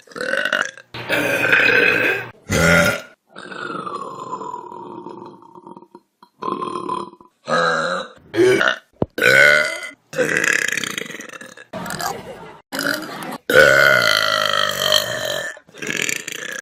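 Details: Vine compilation of burps: a series of loud, drawn-out voiced burps from different people, with brief gaps between them; burping.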